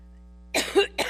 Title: SEVERE COUGHING FIT While Speaking in New York